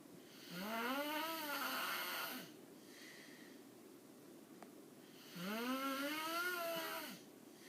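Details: Two long, loud, tonal inward snores about five seconds apart, roughly twelve breaths a minute, with quiet exhalations between, from a man; snoring.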